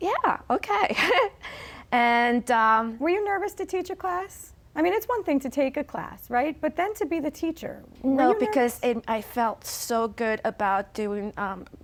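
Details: Two adult women in conversation; conversational speech.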